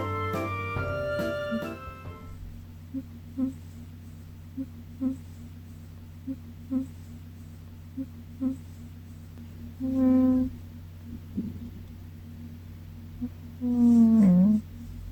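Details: Sleeping pet cat snores in soft, rhythmic in-and-out puffs with two louder snorts, over background music. Snoring.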